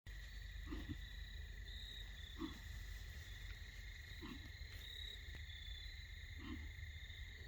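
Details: Wild 6-point buck approaching after grunt call, recorded while ground hunting in Pennsylvania in October; hunter suspects illness or nose/sinus/throat problem: four short, low, hoarse cough bursts about two seconds apart over insect noise; coughing in a deer.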